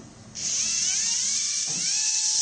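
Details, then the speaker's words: High steady motor whine of a small powered instrument starting and running as the surgeon screws the microphone of an implantable hearing prosthesis into the patient's ear, about two hours into surgery for age-related hearing loss. "Au bout de 2 heures, il place le vrai microphone dans l'oreille du patient. Je suis en train de placer le microphone, de le visser."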